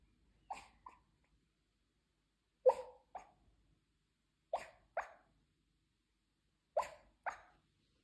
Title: Cute Papillon puppy has hiccups while sleeping, adorable